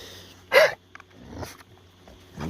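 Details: A puppy gives a sharp, harsh cough followed by a softer hacking sound over quiet room noise; puppies may cough after eating something or a foreign object.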